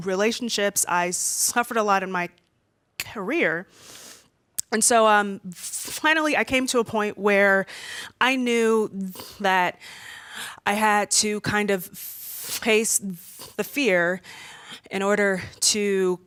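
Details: Female speaker who stutters, worse when nervous in front of a room full of people; stuttering.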